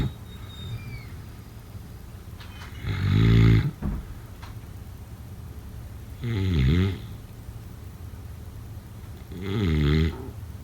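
Three loud, rattling, low-pitched snores a few seconds apart, about 18 a minute, over steady room noise; ordinary snoring during sleep.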